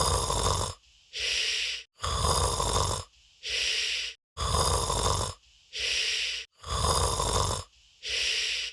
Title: Disguised Minion Will Snore